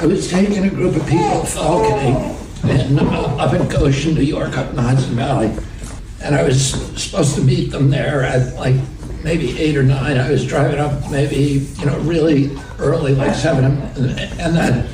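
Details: Adult man in a real interview clip telling a story; he attributes his voice to spasmodic dysphonia, a vocal condition he says he has.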